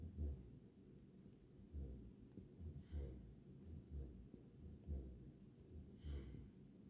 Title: Tired Little American Akita Puppy Snoring Like A Person - Turn UP Your Volume To Hear It, Super Cute